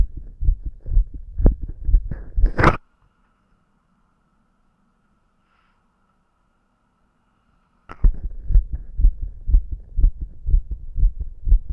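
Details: Self-auscultation with a stethoscope over different spots of the recorder's own visibly fast-beating heart: rapid, fairly regular heart sounds at about 120 per minute, with a quiet gap and rubbing as the stethoscope moves.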